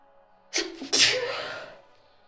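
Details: A single sneeze: a short intake of breath, then one sharp, explosive burst of air that fades away.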